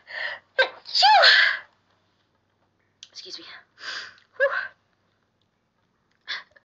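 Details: Streamer (tagged allergies) sneezing during a live stream: a breathy intake, then a loud sneeze, then several smaller sneeze-like bursts and short vocal sounds in a quiet room.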